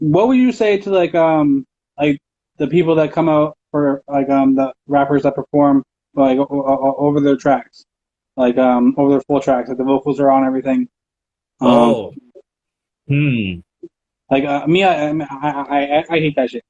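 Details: Adult man, interview host, self-reported stutter, real; stuttering.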